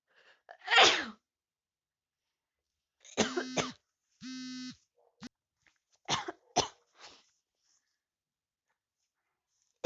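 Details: Repeated sharp, explosive sneezes, some with a brief voiced cry, separated by quiet pauses, from a person with a cold after sleeping with the window open; sneezing.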